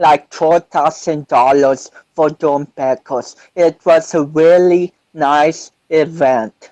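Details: 25-year-old man with cerebral palsy since birth, which he says affects his balance, coordination and speech; doctors said he would never walk, and he is now a powerlifter; dysarthric speech (cerebral palsy).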